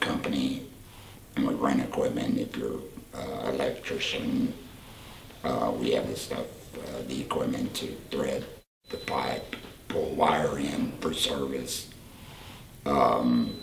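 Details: Tracheoesophageal speech in a 38-year-old man using a Provox voice prosthesis for about four years after total laryngectomy for cancer; prosthesis fitted after a separate operation to stretch his esophagus.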